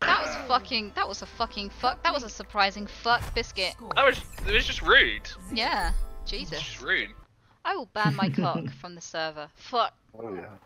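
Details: Vocal tics with coprolalia (obscene and repeated words) in a female streamer with Tourette syndrome, which she describes as quite severe; she says tiredness combined with caffeine triggers her tics.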